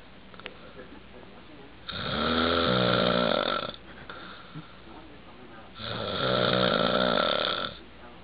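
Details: Two long, loud, buzzing snores about four seconds apart, each lasting nearly two seconds, with quieter breathing between; snoring.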